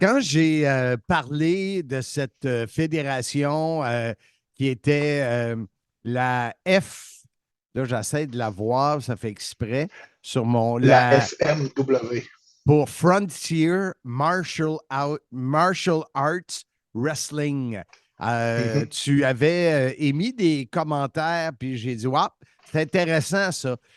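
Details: Adult male speaker; Normal speech.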